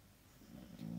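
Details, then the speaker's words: Dog snoring in the background of a room: a low, rumbling snore swelling up near the end against quiet room noise. "I can hear the dog snoring so yeah back to the nails"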